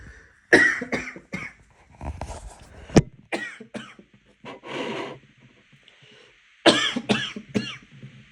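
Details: A rapid run of harsh, partly voiced coughs with a gasping breath in between: a coughing fit after choking on water.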